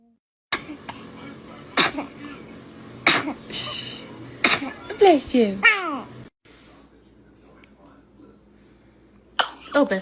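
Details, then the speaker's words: Several small, sharp sneezes from a baby, with adults saying "bless you," laughter and soft background music. "i'll bless you i'll bless you [Music] oh [Laughter] [Music] [Laughter] [Music] bless you bless you [Music] goodness [Music] oh great you like that game [Music] [Laughter] baby is a dramatic sneezer"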